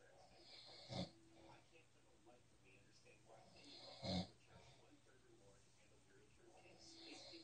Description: Snoring Cat. Wychin